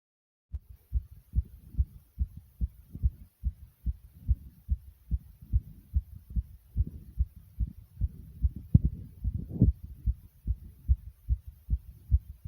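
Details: The uploader's own fast heartbeat: steady, rapid low thumps at about 140 beats per minute.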